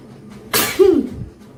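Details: A single loud, ordinary sneeze from an Indian girl, a sudden burst of air and a voiced "choo", recorded for a sneezing video challenge compilation.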